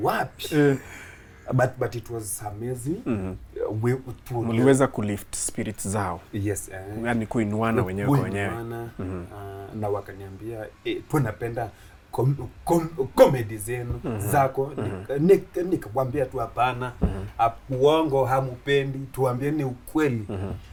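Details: Adult Kenyan man, a comedian who began stammering in school; he stammers especially on plosive sounds and shakes his head when he stammers; stuttering.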